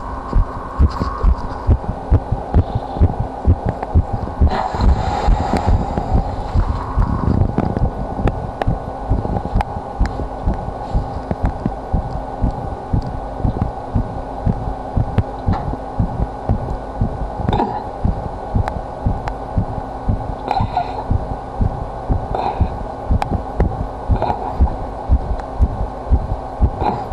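Repeated low thumps of an adult heartbeat picked up against the chest, with rubbing and hum behind.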